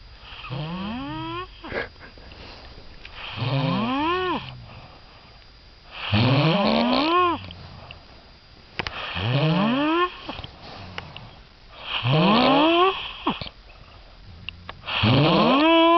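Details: Loud, rising, groaning snores from a sleeping Swedish man on each inhalation, about 21 a minute, with quieter exhalations between; heavy snoring.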